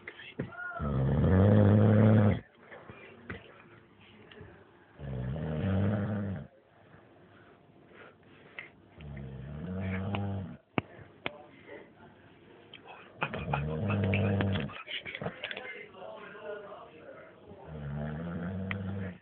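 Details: Snoring during sleep: loud, rough, rattling snores with each breath, about five in twenty seconds, with quieter breathing in between.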